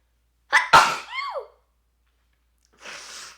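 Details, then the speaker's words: Single sneeze from a person sick all week who can't stop sneezing: a short inward catch, one sharp explosive sneeze with a voiced trailing sound, then a sniff. "I have literally been sick all week I just can't stop sneezing"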